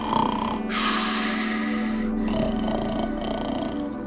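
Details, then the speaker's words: An adult acts out an exaggerated, pig-like snorting snore, shown as the wrong way to imitate snoring: an unconvincing imitation, not a real snore. "make the sound of of what they think a snore sounds like and it's more like a pig oinking or something like that and it's not really how people sound when they snore"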